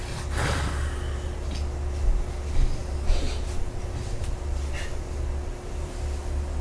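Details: Snoring from a sleeping man, jokingly linked to sleep apnea: low, rough, rumbling breaths with snorting catches.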